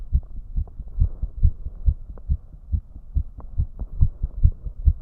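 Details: Male heart sounds, heart rate deliberately raised to around 150 BPM: fast, regular paired low thumps at roughly 140–150 beats a minute; rapid heart rate, tachycardia.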